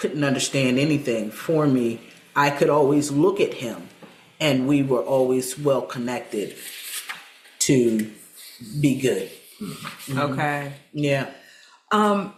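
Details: Aphasia after stroke in an adult woman, about seven years post-onset; aphasia.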